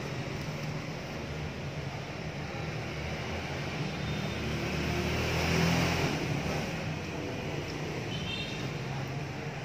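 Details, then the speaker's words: Steady low motor hum with faint airy hiss, rising slightly midway, from a MyNeb compressor nebulizer on 220V mains, started by its button at the beginning of a treatment. "Và sau đó thì mình sẽ khởi động máy bằng một nút như này. Và mình bắt đầu xông."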